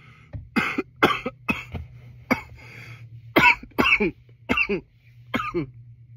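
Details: About eight sharp, dry coughs in quick succession over six seconds, with a steady low hum in the background; repeated cough.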